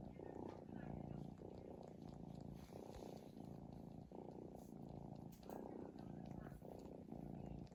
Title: 5min cat snoring straight